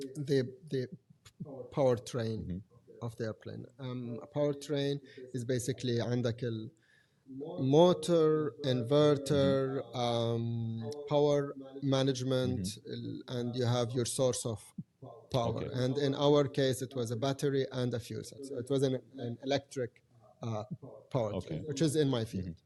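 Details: Adult man who has stuttered since age five or six, with blocks, lip and tongue tension, word repetitions and filler secondary behaviours; now controlled with pull-out and preparatory-set techniques learned in therapy in Germany. Stuttering.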